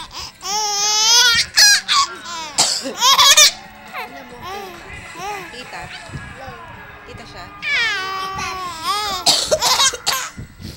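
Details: Mother's deliberate, imitated adult cough bursts, not from illness, alternating with her infant's high squealing laughter and soft babble in a small room.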